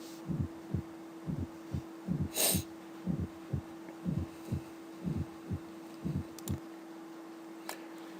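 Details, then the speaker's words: Regular heartbeat near 60 a minute with a soft extra sound just before the first heart sound: fourth heart sound (S4 gallop), atrial kick abnormality as in aortic stenosis, systemic hypertension or hypertrophic obstructive cardiomyopathy. "En el caso del cuarto ruido, alteraciones de la contractilidad o de la patada auricular por un trastorno en su contracción, como en el caso de la estenosis aórtica, de la hipertensión arterial,"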